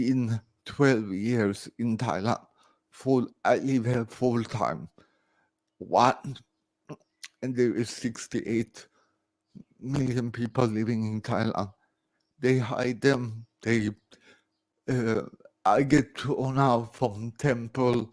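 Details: Adult man born 1968 with severe cerebral palsy after lack of oxygen at birth; speech recognition programs struggle with his speech; dysarthria.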